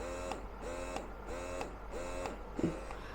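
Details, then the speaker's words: Wearable electric breast pump, in use for 8 months, just switched on: rhythmic whirring motor cycles, about five in three seconds, with a soft click at each stroke, running normally. "ഇത് on ചെയ്യുമ്പോൾ ഇങ്ങനെയാണ് കേട്ടോ പ്രവർത്തിക്കുന്ന sound"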